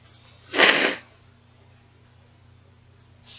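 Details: One sharp, explosive sneeze just after crying, then quiet room noise; an ordinary sneeze.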